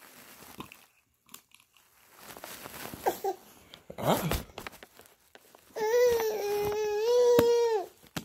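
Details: Infant during tummy time: rustling and small fussing noises, then a sustained wailing cry lasting about two seconds; infant cry.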